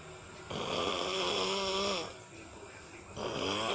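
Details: Loud, rough snoring with a tonal rattle on the breath, separated by a brief quieter pause; a father snoring in his sleep, which wakes his baby.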